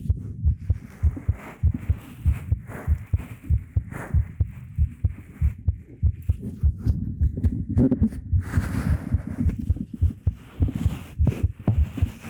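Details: ASMR heartbeat recorded with a 3Dio Pro binaural microphone: steady, muffled low thumps at roughly 100 a minute with faint rustling behind. A regular, normal heartbeat.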